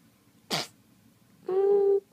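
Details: Newborn baby on day 1 of life: a single brief, sharp sneeze followed by a short high-pitched whimper; newborn sneeze.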